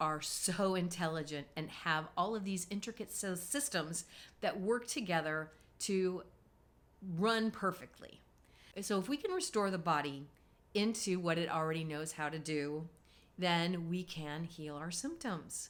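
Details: Adult woman speaking; normal voice.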